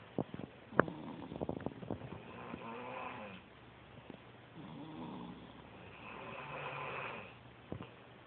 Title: Snore-fest 2010